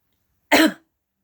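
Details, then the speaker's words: Person with ALS whose bulbar throat muscles are weakening performs a deliberate forced cough to clear gathered saliva, liquid or food from the throat before swallowing, as a first defense against choking: one short forced cough. "a lot of times I may do this because I'm spacing out or I get to talking a lot I forget to swallow so saliva kind of gathers down here I just want to get that out of the way and swallow it back down correctly it's my first line of defense against choking"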